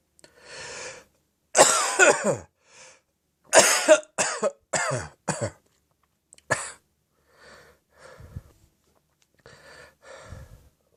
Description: A hefty morning fit brought on by a mixture of throat phlegm and Acid Reflux.